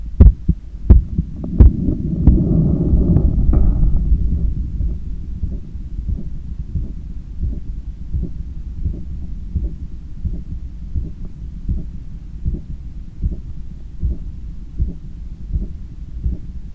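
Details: Stethoscope recording of own heart after a 10km run, lying on a daybed leaning on the left side while controlling breathing: strong, regular heartbeat about 86/min with early breathing noise; normal heart sounds after exercise.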